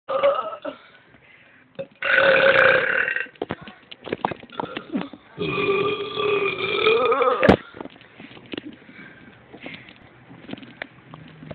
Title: top belching burping